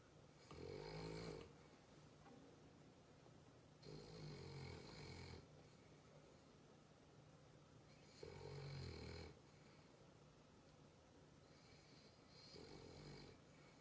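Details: Sleeping dog: regular rumbling snores, about four in fourteen seconds, each a fluttering breath in with quiet breathing between; snoring.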